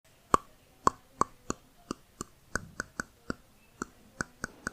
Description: Teeth grinding or Bruxism - psychological disorder caused due to stress , fatigue etc.